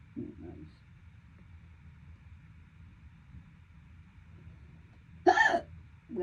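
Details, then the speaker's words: Persistent hiccups early in a bout lasting over 12 minutes: sharp abrupt hiccups at the start and a loud one near the end over faint room noise. "God damn. They're getting worse. God damn. They're getting painful. This is not noral. Holiday hiccups."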